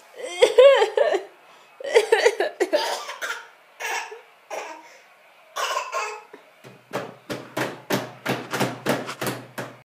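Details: Young child giggles and vocalizes, then deliberately fakes a quick run of about ten short, forced coughs; voluntary fake cough.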